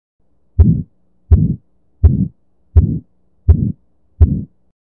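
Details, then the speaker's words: Regular heartbeat at about 83 per minute, each first sound followed by a harsh crescendo-decrescendo systolic murmur, best heard at the right sternal edge, second intercostal space (aortic area); aortic stenosis murmur. "it's best heard at the sight of the right sternal Edge at the second intercostal space also known as the aortic area and its character is classically described as a crescendo de Crescendo systolic murmur meaning an increasing sound to a peak then decreasing which looks like a diamond shape on a phonogram"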